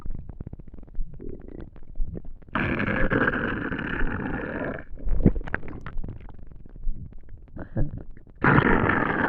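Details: Gurgling, rumbling stomach noises with long sustained growls from an empty stomach after not eating for a day; hunger borborygmi.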